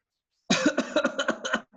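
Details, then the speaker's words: An adult lecturer imitates a pertussis paroxysmal cough: a rapid run of about seven short coughs with no breath between them. "So this is how usually a patient with pertussis coughs."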